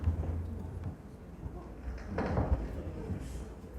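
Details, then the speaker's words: Knee crepitus from cartilage wear in degenerative knee osteoarthritis: low grinding rumble with a louder scraping crunch as the knee moves, played as a demonstration sound. "이게 무슨 소리일까요 이게 무릎 소리예요 무릎에서 이렇게 할 때 아까 연골 칠칠한 거 기억나세요 그런 분 무릎을 움직이면 이런 소리가나요"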